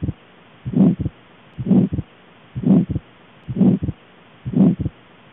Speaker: now we're going to move on to pulmonic stenosis